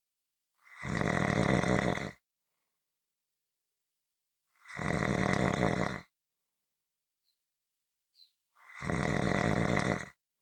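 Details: Three long, loud rattling snores separated by silent pauses, about 14 per minute; snoring during sleep.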